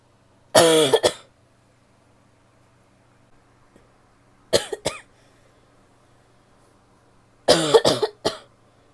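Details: Adult female coughing: three bouts of two to three sharp coughs each, separated by quiet pauses; an ordinary cough.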